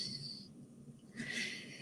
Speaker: I must just mention, if you can hear snoring, it's my elderly pug.